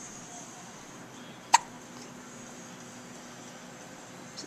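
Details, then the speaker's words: A single sharp, brief hiccup from a young infant, awake and looking around, against quiet room noise: infant hiccups. "little elliot has the hiccups hi little face i'm just looking around"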